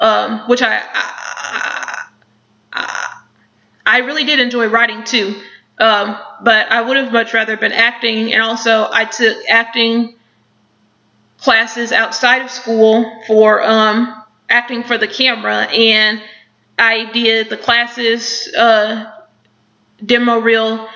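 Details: Woman who stutters, now mostly mild with mostly repetitions; stuttering.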